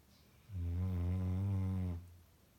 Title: My husbands dog snores SO LOUD!!!